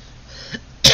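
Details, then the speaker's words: Adult on day two of COVID-19, unvaccinated, with fever and a usual sinus cough, gives a single short, sharp cough burst after near silence; a slight cough. "i have a slight cough but i always have a sinus cough so for me it's hard to tell"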